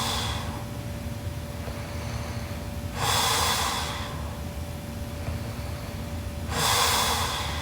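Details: Sleeping Japanese girl snoring very loudly: two loud, harsh snorting breaths several seconds apart over steady room hum.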